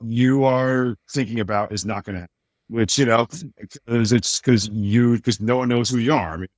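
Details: Adult man with a speech impediment since childhood, much worse then and greatly improved, still slightly audible; speech impediment (mild disfluency).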